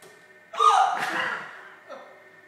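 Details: Hiccup recurring all day: a sudden voiced gulp with a sharp catch of breath, then a softer second sound.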